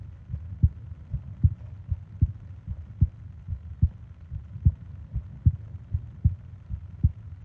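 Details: Sleep ASMR recording of heartbeat and breathing sounds, 20 minutes long: steady, regular, low heartbeat thumps at about 75 beats per minute over a soft background hum; normal heartbeat.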